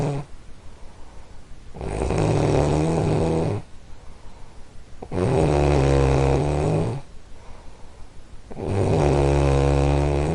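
Long, deep, vibrating snores on each breath in, three in ten seconds, with quieter breathing between.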